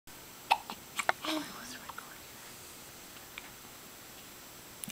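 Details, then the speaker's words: Newborn girl a little under seven hours old, her first hiccups outside the womb: several brief, sharp, irregular hiccup sounds against quiet room noise; ordinary hiccups. "She's got some Killer hiccups her First Hi up's outside of the womb an"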